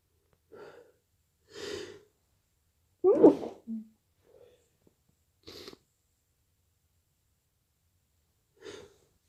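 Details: Induced sneezes while drunk: a series of short, sharp sneezes with quiet gaps and one louder burst in the middle, no wheeze heard; sneezing.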